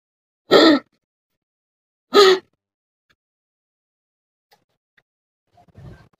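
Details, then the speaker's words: Small pet dog coughing, which the owner likens to a reverse sneeze and not a phlegmy cough: two harsh, honking, gasping bursts, then quiet, without a wet quality. "Kapag inuubo, ayan, para siyang reverse sneeze. Mostly nangyayari talaga yan sa mga chihuahua."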